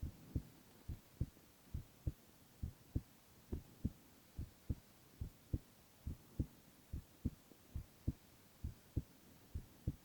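Steady paired low heart thumps at about 70 beats a minute, regular rhythm, quiet background hum; ordinary heartbeat.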